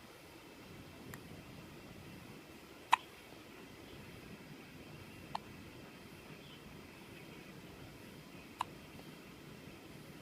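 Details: Hiccups in a 3-day-old newborn, alert and wide-eyed after a quick feed: three faint, sharp clicks spaced a few seconds apart against quiet room noise.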